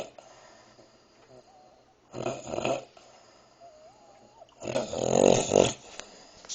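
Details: Lady fell asleep while eating a midnight snack of green beans: two loud, rough snoring breaths with a faint whistling tone between; ordinary snoring.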